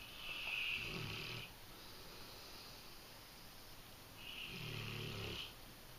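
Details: Two slow, rumbling snores with a hissing edge, a few seconds apart, from a sleeping female English Mastiff dog: snoring.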